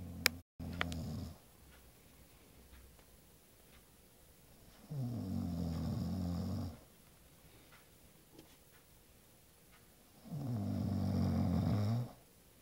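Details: Person snoring: three loud, low, rattling snores on the in-breath, about five seconds apart, with quiet pauses between; about eleven breaths a minute.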